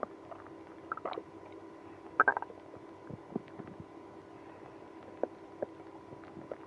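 Scattered soft gurgles and squelches over a steady low hum; active bowel sounds, stomach growling in irritable bowel syndrome.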